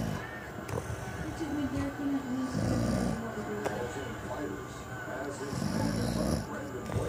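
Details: Loud, rough rattling snore sounds with breathing noise over faint background sound; a dad snoring.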